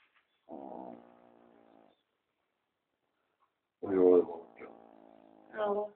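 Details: Affenpinscher dog snoring at night: drawn-out, whiny, nasal snores with a pause between breaths; harmless snoring.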